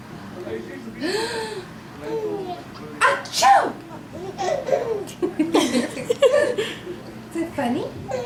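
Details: Adult sneezing amid chatter, with the sudden sneeze burst followed by a baby girl's repeated giggling laughter, her first time laughing.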